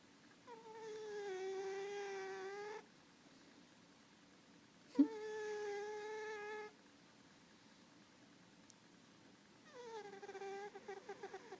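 Three long, high-pitched whistling breaths from a sleeping cat, the last breaking into fluttery pulses; snoring.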